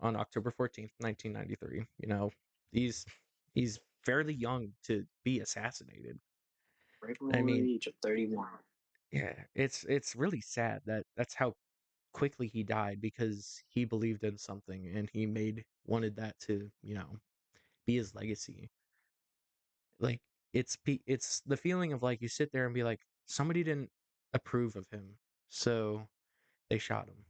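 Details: Adult male host with a stuttering issue he says is worse when talking on camera or to someone important, occurring every so often; repetitions audible; stuttering.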